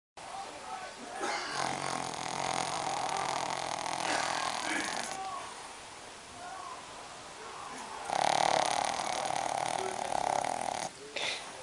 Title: Snoring Shitsu